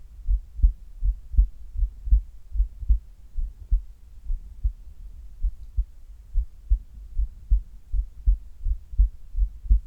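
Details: Heart sounds of a man recorded during sit-ups after a resting baseline; regular low thumping heartbeat around 80 a minute with some muffled body-movement noise.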